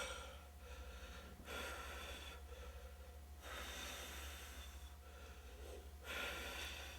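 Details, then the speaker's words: Noisy, effortful breaths with harsh inspiratory sounds, about three cycles in seven seconds, from a patient in respiratory distress in a paramedic teaching video. Shows increased work of breathing with accessory muscle use against increased airway resistance. "overcoming The increased resistance within the airway is accomplished with accessory muscle use and an increased rate or work of breathing here you can see a patient in respiratory distress"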